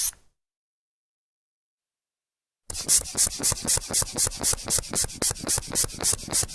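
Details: Manual sphygmomanometer blood pressure measurement sound effect: brief silence, then steady rapid hissing puffs, about four a second, as the cuff is worked by hand during inflation and deflation.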